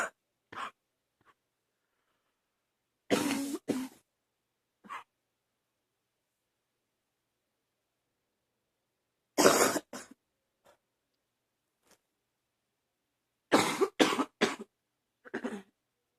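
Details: Barking cough from an adult who woke up this morning coughing, with wheezing, which they suspect is allergies: clusters of harsh, loud coughs with quiet pauses between.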